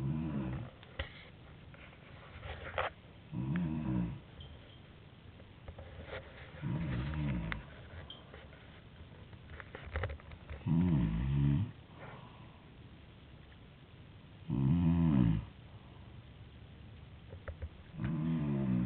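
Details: Woman snoring loudly: rhythmic low rumbling snores about 16 a minute, each on the in-breath, with quiet gaps between, in a small room; ordinary snoring.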